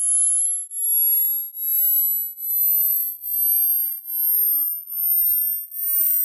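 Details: Pure whistling test tones sweeping up and down in pitch in an age-based hearing test, where listeners note the age at which they can no longer hear the high pitch.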